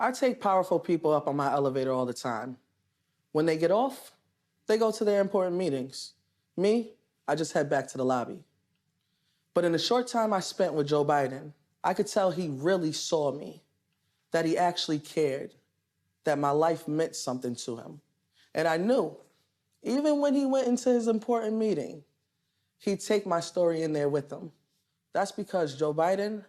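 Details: Adult man speaking; normal speech.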